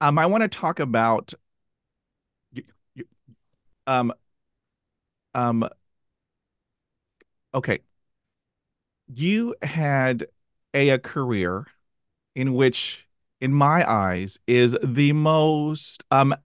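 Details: Adult podcast host who stutters; part-word repetitions are heard; stuttering.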